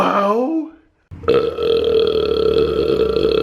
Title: Burp Compilation